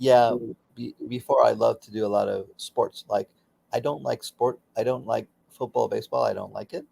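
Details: Aphasia for about 16 years after a stroke during surgery, in a man still working daily with speech pathology.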